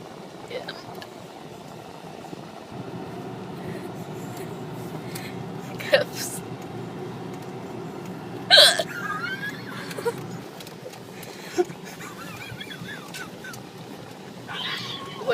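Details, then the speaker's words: Someone's hiccups: a few abrupt, sharp hiccup sounds break through steady traffic noise and nearby talk; the person says they can't control them and asks if it's over. "So many hiccups. Is it over?"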